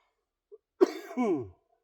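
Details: A single abrupt, harsh cough with a rough voiced tail falling in pitch, from a person with cystic fibrosis and 46% lung function who is winded and panting during a back and biceps workout. Productive cough.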